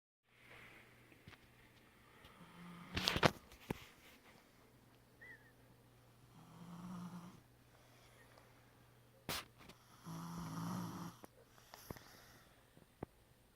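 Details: Quiet, low snoring breaths roughly every four seconds over a steady room hum, with a few clicks; mild snoring.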